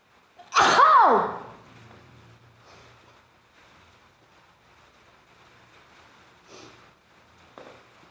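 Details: Wet sneezes triggered by tickling.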